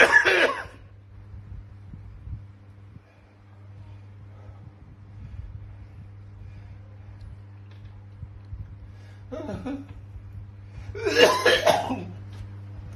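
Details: Adult imitating a post-injection trenbolone ("tren") cough, which they used to get: three short, harsh cough bursts separated by long quiet gaps.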